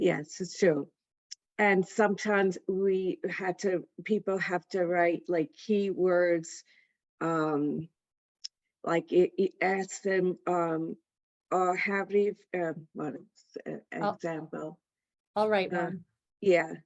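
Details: Aphasia in an adult female stroke survivor attending an aphasia center.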